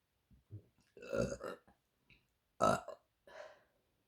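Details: Woman ("queen of burps") burping deliberately: several loud, rumbling bursts of uneven length in a quiet room, repeated belching.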